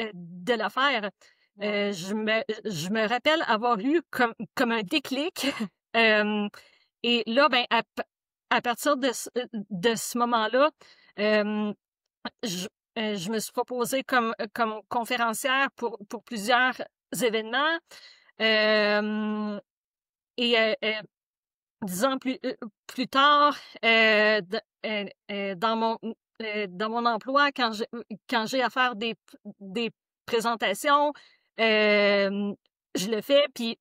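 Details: Adult woman who stutters and says she still stutters, speaking French; stuttering.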